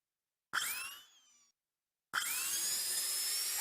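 A high, rising drill whine in two bursts with a silence between them: a simulated dental drill in a haptic VR training exercise.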